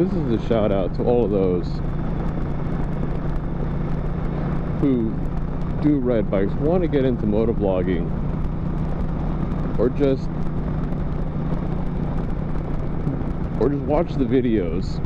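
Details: Adult man who stutters, speaking while riding a motorcycle; stuttering.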